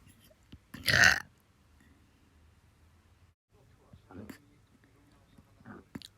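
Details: Repeated burping in a person who can't stop burping: one loud burp, then quieter belch-like sounds and mouth noises in a quiet room.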